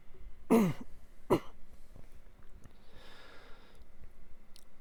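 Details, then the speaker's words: Adult who is under the weather coughs repeatedly while talking; cough. "I'm doing alright how about you still under the weather as you can hear me coughing up a storm"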